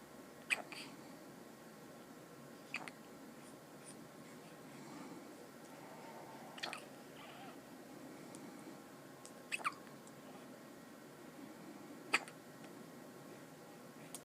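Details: Five short, sharp hiccup sounds about every two to three seconds over quiet room noise, in an infant sucking its thumb; hiccups.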